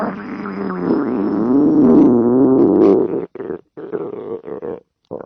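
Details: Girl's stomach gives a long, wavering gurgling growl, then several shorter rumbling bursts: ordinary stomach growling (borborygmi).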